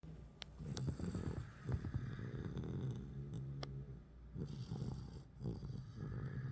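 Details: Cane Corso puppy and Great Dane sleeping and snoring: deep, rumbling snores with rattling breaths and some faint high squeaks.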